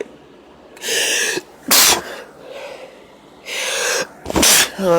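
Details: Female, induced sneezing: two sneezes, each preceded by a loud gasping in-breath and ending in a forceful burst.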